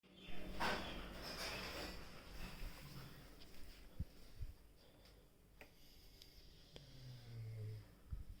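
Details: Snoring of a sleeping pet beagle at home during quarantine: a couple of soft, noisy breaths and a low rumbling snore in a quiet room.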